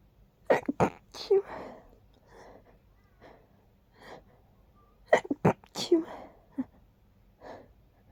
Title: Buildups to big sneezes!